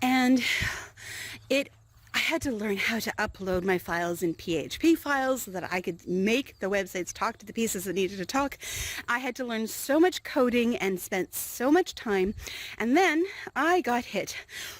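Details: Adult female, intubated in 2016 in a medicated coma for double lung pneumonia that became acute respiratory distress syndrome, on a ventilator about three weeks; dysphonia after intubation.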